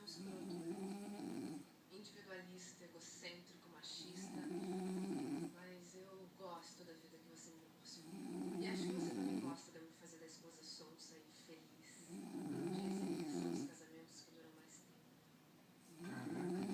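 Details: Loud, rough snores about 15 a minute with quieter gaps and faint room noise; a companion trying to watch a film complains, "stop snoring, for God's sake."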